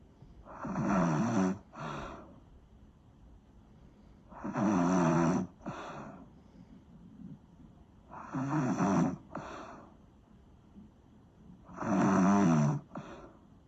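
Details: Snoring: loud, rattling snores on each breath in, about four in fourteen seconds (roughly 16 breaths a minute), each followed by a short breath out.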